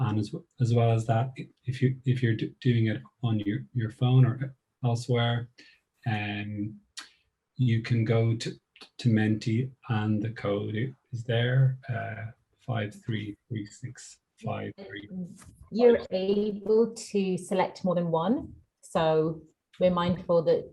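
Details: Woman who describes herself as a person who stammers; part-word and whole-word repetitions heard; stuttering (stammering).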